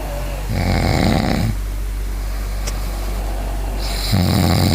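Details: Father and young child both snoring while asleep, the child right after saying they couldn't sleep: loud, harsh, vibrating snores on each breath in, quieter breathing out over steady room noise.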